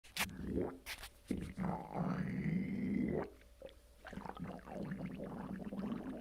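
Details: Low gurgling and rumbling with a long drawn-out gurgle in the lower abdomen after a bowel movement, with the colon empty; water and gas moving, bowel sounds (borborygmi).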